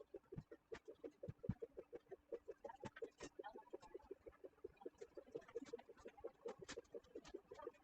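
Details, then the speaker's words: Anesthetized female animal after ketamine induction, on isoflurane 2%: Doppler probe bandaged on the gelled back leg gives rhythmic, chirping whooshes tracking the heartbeat. "And you can hear her heart rate through the Doppler."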